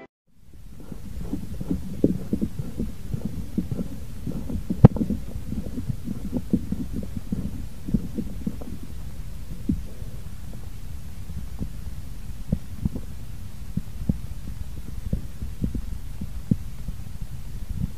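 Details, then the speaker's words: Korotkoff sounds heard while a blood pressure cuff deflates during manual measurement: repeated soft low thumps over a steady hum. "sekarang coba dengarkan dengan tenang bunyi korotkoff"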